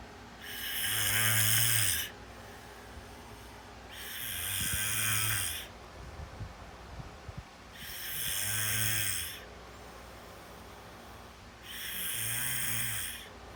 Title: Snoring 4